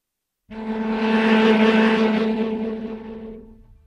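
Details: Simulation by a person with one functional ear of how a violin sounds through their cochlear implant two years after activation: a single sustained note with clear pitch but grainy, hissy texture.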